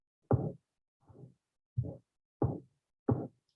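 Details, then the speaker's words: Loud, rough, drum-like harsh systolic murmur of pulmonary stenosis, played as a teaching recording. "okay so this is the uh systolic murmur this is like a drum beating and it is very uh uh obvious murmur that the pulmonary stenosis"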